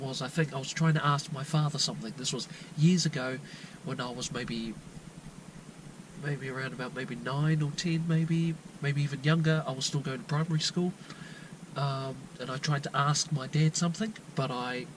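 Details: Lifelong stuttering in a 22-year-old (turning 23) man from New Zealand, never seen by a doctor or therapist for it, with repetitions and blocks mostly at the beginnings of words.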